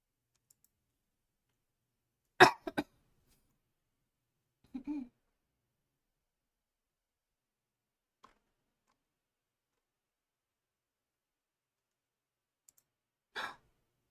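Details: Summer cold during a live stream: a few short, dry coughs and a throat clear separated by silence.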